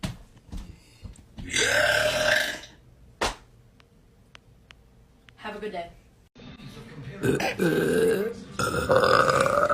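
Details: Several loud, drawn-out voiced belches from one person, with some talk and faint music between them; burps of air brought up from the stomach, from a compilation of burps.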